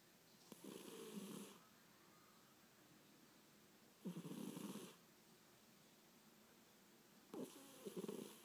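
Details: A cat asleep and snoring: three slow, rough snoring breaths about 3.5 seconds apart, roughly 18 a minute, with quiet pauses between them in a quiet room.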